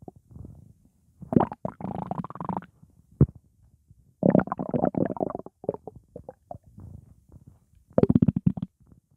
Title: Stomach Growling Sound Effect / Sound Of Stomach Gurgle / Upset Stomach Rumbling / Royalty Free